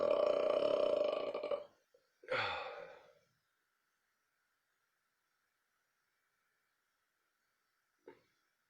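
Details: Burping: two loud, long burps in a quiet room, then a brief faint third burp; ordinary belching.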